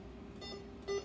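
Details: Short electronic beep over faint hum as buttons are pressed in the settings menu to set air-in-line filter sensitivity, set at level three, on a Practivet infusion pump during training; an infusion pump keypress beep.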